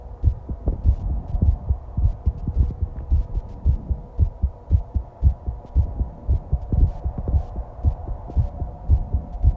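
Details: Own heartbeat recorded while lying down breathing at rest, with stomach growling: deep, steady thumping at about 110 beats a minute, pounding partway as the heart got excited, with a low background hum.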